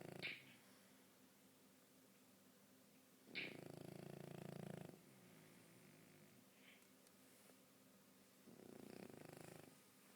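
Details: Sleeping dog snoring: soft, low, fluttering snores on two breaths about five seconds apart, with a faint snort, in a quiet room.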